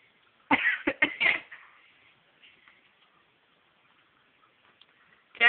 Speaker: a hiccups yeah like that I'm not thr it's just a hiccup something called the hiccup I think it's funny